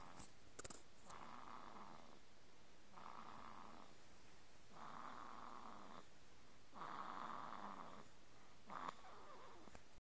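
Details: Soft, regular rasping snores, about four over ten seconds, in a quiet room. Ordinary snoring.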